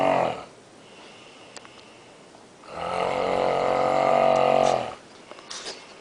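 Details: A person asleep in a hotel room at night, tired, gives a loud, drawn-out rumbling breath sound about two seconds long, with quiet gaps on either side: heavy snoring.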